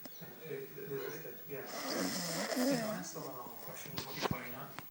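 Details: Sleeping man snoring: loud, rough, wavering snore with a whistling, tonal edge over a long breath, followed by a few sharp clicks.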